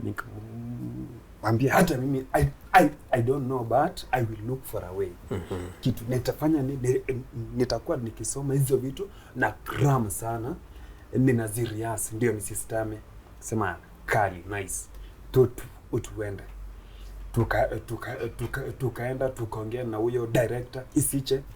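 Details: Stuttering (stammering) in an adult male Kenyan comedian who began stammering in school; blocks occur especially on plosive sounds, with head shaking during stammers.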